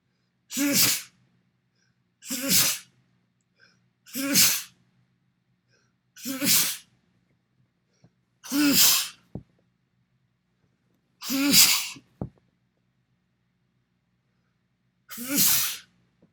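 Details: Seven separate sneezes from one adult, filmed in a mirror, each a sharp explosive burst with a brief voiced onset.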